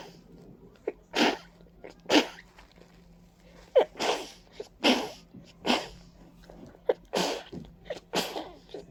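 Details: Person stuffy and congested with runny nose and watering eyes, attributing it to ragweed and dust; about ten forceful wet sneezes in quick succession, some with a sharp in-breath first; allergic sneezing.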